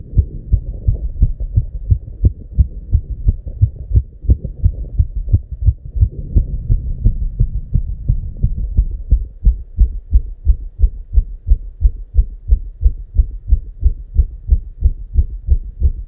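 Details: Fast, regular, deep thumping heartbeat; real recorded heart sound labelled 290 beats per minute, markedly rapid heartbeat.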